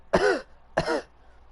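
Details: Two short, raspy voiced throat-clearing bursts from an adult gamer, deliberately imitated; an ordinary clearing rather than a cough: throat clearing.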